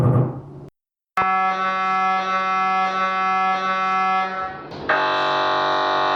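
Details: Conventional MRI scanner during a head MRI: loud, steady electronic buzzing tones with a rhythmic knocking pattern that changes every few minutes throughout the scan.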